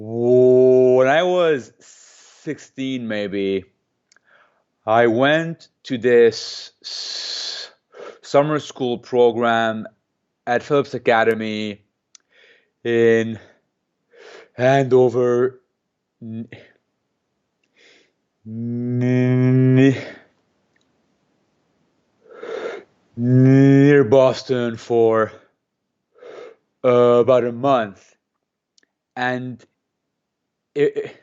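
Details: Adult man who has stuttered since age 2 or 3, speaking in an interview and using a McGuire programme breathing technique to control it; stuttering.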